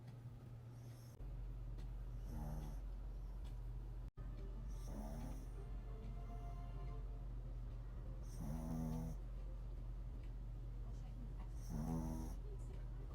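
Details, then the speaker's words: Sleeping dog stretched out on a couch; soft, repeated snorting breaths about every three seconds over a steady background hum; snoring, louder earlier. "Está bien dormidito. Está roncando, pero estaba roncando más fuerte."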